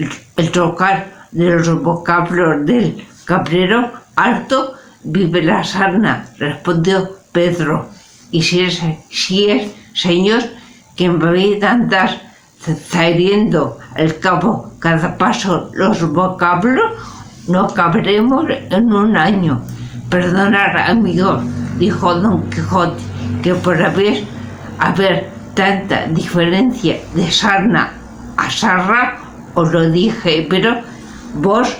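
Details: Spanish-speaking adult with aphasia, a member of an aphasia support association, reading a literary text aloud in Spanish in a prerecorded reading; aphasia.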